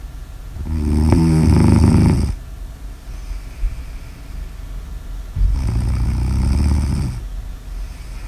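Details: Snoring ASMR audio recording: loud, low, fluttering snores on the in-breath, two long snores separated by quieter breathing; snoring.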